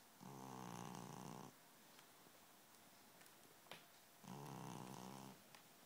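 Two steady buzzing snores about four seconds apart with quiet gaps between them; snoring, about 15 breaths a minute.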